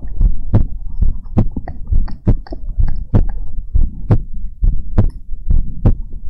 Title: ASMR Heartbeat Sounds and More | Heartbeat ASMR #27